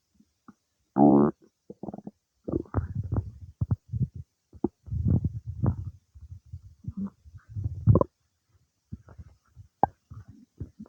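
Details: Bowel sounds (borborygmi) some time after eating cake: irregular gurgling and rumbling with bubbly clicks and a brief squeal, ordinary digestion.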